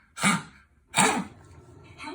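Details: A dog coughing: two harsh, explosive hacking bursts about a second apart, then quiet room noise.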